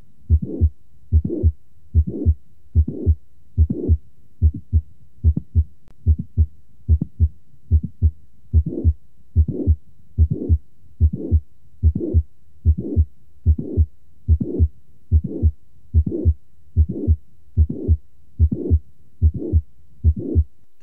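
Regular heartbeat near 73 a minute with a mid-systolic click and a late systolic murmur of mitral valve prolapse.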